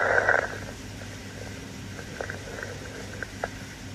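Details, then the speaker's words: Posterior thorax auscultation: faint, brief, discontinuous high-pitched crackling pops on inspiration over a low steady hum, fine crackles. "Fine crackles are discontinuous, high-pitched, short crackling sounds on inspiration."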